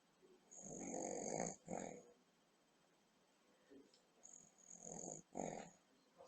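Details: Grandmother asleep after a big Boxing Day dinner with very boozy trifle, recorded on a computer webcam; repeated raspy snoring breaths with a soft whistle, each followed by a brief pause.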